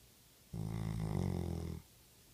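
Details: A single deep, rumbling, buzzing snore from a sleeping chocolate Labrador dog in a quiet room.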